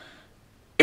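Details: Cough from an adult who has a cold, with a lost voice and a creaky throat.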